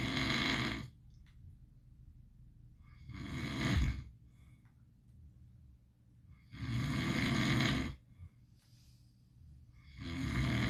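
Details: Sleeping pit bull dog, possibly dreaming, snores in loud, rough bursts with quiet gaps between breaths: harmless sleep snoring.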